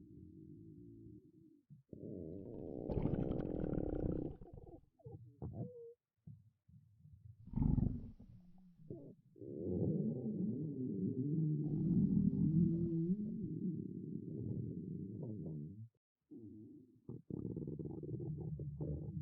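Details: Ordinary stomach growling (borborygmi) in a girl: long low gurgling and rumbling with bubbly, squeaky runs and brief pauses.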